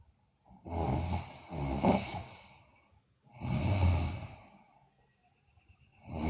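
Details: Sleeping girl, also noted to have bruxism and sleep talking, with slow noisy sleep breathing and low rough fluttering on each breath; snoring.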